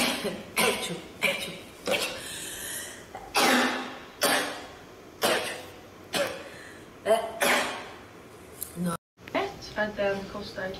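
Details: Rapid series of about ten short, sharp sneezes from a girl in close succession, with brief breaths between: repeated rapid sneezing.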